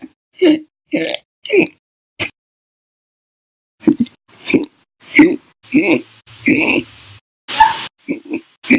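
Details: Short, abrupt voiced gulping sounds repeating every second or so, some loud, with a gap; violent hiccups recorded in October 2019, with episodes lasting over 5 hours a day and up to 13 hours 34 minutes: persistent hiccups.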